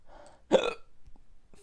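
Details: Hiccups after eating an extremely hot pepper (9 million Scoville units) in an awareness challenge: a single abrupt voiced hiccup with a sharp catch, with quiet talk around it.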